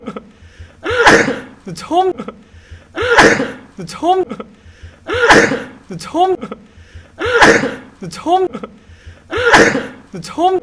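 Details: HAECHAN (NCT) sneezing, a looped one-minute compilation: repeated voiced 'ah-choo' sneeze bursts, about five cycles at a steady rate.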